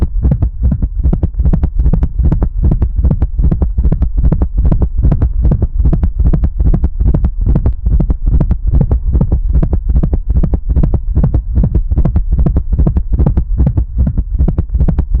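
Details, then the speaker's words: Gallop rhythm on auscultation in a hypertensive dog with chronic kidney disease and cardiac hypertrophy: fast, regular low heart sounds at about 150 per minute with an added extra sound. "Sem mais delongas, deixe eu mostrar logo o som de auscuta deste paciente que gerou um alerta para aprofundar a investigação cardiológica."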